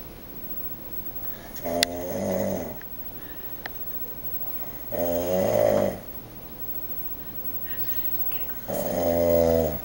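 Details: Man snoring very loudly while asleep: loud buzzing snores on each breath in, three in ten seconds, about 18 a minute, over room hum; snoring.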